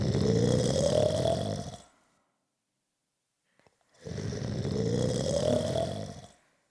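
Two long, loud, rattling snores with a rising buzzing tone, separated by a quiet pause; heavy snoring.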